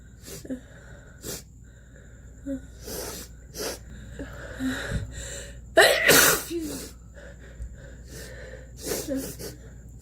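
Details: Pig sneezing up close at the camera: snuffling nasal snorts with one strong sneeze burst in the middle, against steady background hum.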